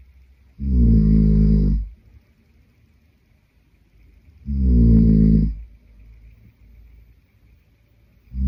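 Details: Adult man (boyfriend) asleep, giving loud, low, rumbling inspiratory snores at about 16 per minute, separated by quiet exhalations.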